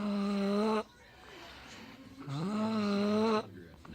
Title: snoring 🤣🤣🤣😴😴😴